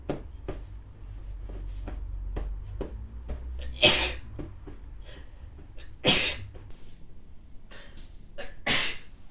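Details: An adult woman repeatedly sneezes while cleaning: three sneezes in close succession, with light clattering and tapping noises in between.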